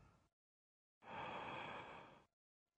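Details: Normal breathing during a respiratory examination, patient asked to take deep breaths in and out with mouth open: a single deep, airy breath of about a second, with a faint trace of another.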